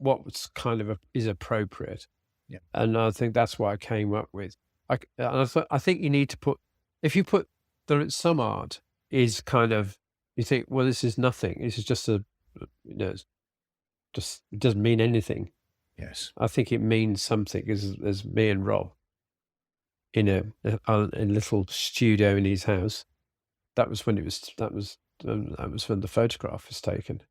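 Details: Aphasia following a sudden stroke in an adult man, treated with speech and language therapy and early vocabulary flashcard practice at home; spontaneous speech.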